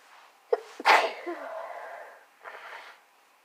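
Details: A person with a cold, sore nose and throat, has a sneezing fit: a quick inward catch of breath, then a forceful explosive sneeze trailing into a breathy exhale, then a softer breath.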